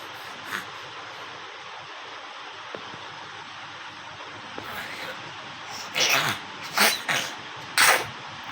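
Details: Baby sneezing: several short, sharp, hissing bursts in quick succession over a steady background hum; a run of infant sneezes.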